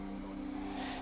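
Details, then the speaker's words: Salbutamol nebulizer via mask given by paramedics to a woman with an asthma attack: steady airy hiss with a low hum as the reliever drug mists into her lungs. "The nebulizer and mask means a quick-acting drug will vaporize oxygen directly into her lungs."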